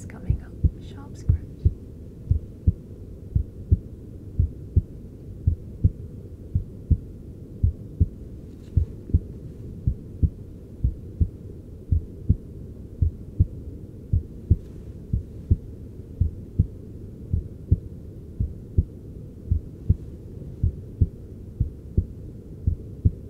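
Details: Adult male's real-time heart sounds via a handheld device while receiving cosmetic injections; stress triggers fight-or-flight, making the heart beat stronger and faster: sinus tachycardia.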